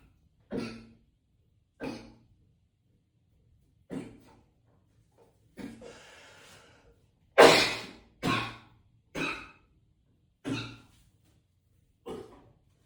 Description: coughing up a lung in the echoey bathroom 😮‍💨